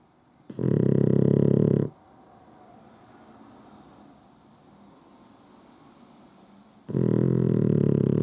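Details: A puggle dog snoring in its sleep, sleeping with its eyes open; snoring.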